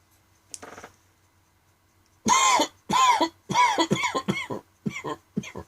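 A run of about seven harsh, dry coughs in quick succession, some with a strained, voiced edge, after a brief sound: a dry coughing fit.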